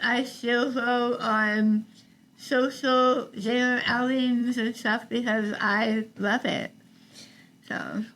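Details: Adult woman treated for stage 4 tongue cancer: over half her tongue removed and rebuilt with a forearm graft, plus neck dissection and six weeks of radiation and chemotherapy; articulation disorder after partial glossectomy, some people cannot understand her.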